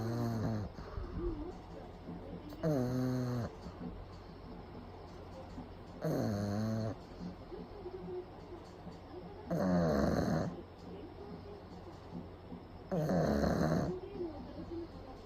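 Loud, rattling snores from a sleeping small flat-faced dog, about 17 a minute, each on the in-breath with quiet gaps between.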